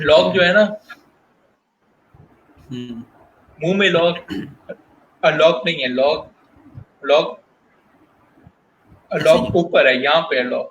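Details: Stuttering in a guest on a stuttering talk show, with word repetitions heard.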